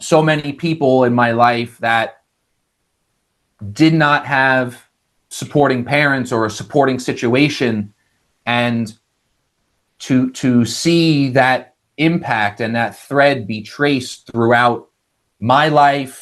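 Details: Adult male engineer with a lifelong stutter, managed with speech techniques such as the airflow technique, which in his case shows as vocal cord blocks; this stretch has repeated words: stuttering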